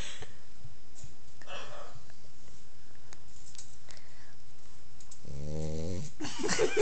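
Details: Female pitbull puppy recorded while sleeping, breathing with a faint low rumble and then one distinct buzzing, tonal snore near the end, said to sound human: snoring.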